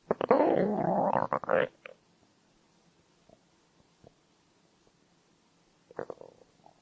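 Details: A loud, gurgling stomach rumble, then quieter bubbling noises and a second short rumble; ordinary stomach growling from hunger (borborygmi).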